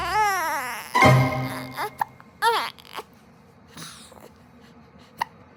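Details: One-month-old baby with brief, sharp hiccups and a short fussy cry over background music; newborn hiccups.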